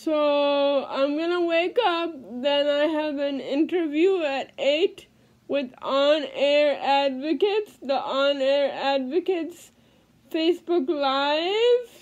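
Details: Adult female with cerebral palsy speaking; no specific speech disorder named.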